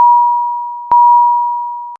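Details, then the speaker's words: Two steady high electronic tones: Philips Efficia DFM100 monitor/defibrillator high-priority alarm, shown with a red background, warning of life-threatening conditions such as asystole or ventricular fibrillation that need immediate response. "a high priority alarm warns of a life-threatening condition such as a systole or ventricular fibrillation and requires an immediate response the alarm message displays with a red background and sounds like this"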